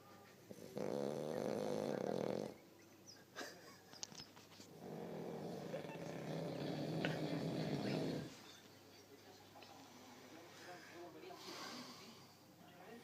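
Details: Two long, rumbling, vibrating snores with quieter breathing between them in a quiet room; snoring.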